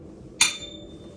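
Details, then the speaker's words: A tuning fork struck for a Weber test during a head-to-toe cranial nerve VIII exam, then placed at the centre of the head: a sharp metallic tap and a thin, high ringing tone fading within a second. The patient heard it evenly. "next we're gonna do the weber's test so i'm gonna strike this tuning fork and i'm gonna place it in the center of your head"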